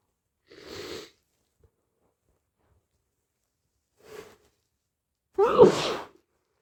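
Two soft breathy sniffs or stifled sneezes, then one louder full sneeze, with a cold and blocked nose.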